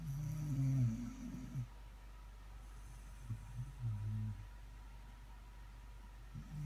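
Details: Dog named Megan asleep, snoring: low, soft rumbling snores over steady engine hum.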